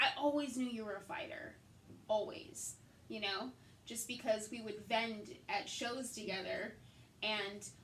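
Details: Adult woman; typical speech.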